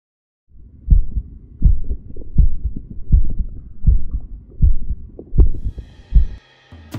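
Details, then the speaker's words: Adult man's own heartbeat recorded with a DIY electronic stethoscope (condenser lavalier microphone fitted to a stethoscope): regular paired lub-dub first and second heart sounds at about 80 beats a minute, normal rhythm. "We tried to show that it's pretty simple and inexpensive to record your heart beat sound, to listen and even to view it."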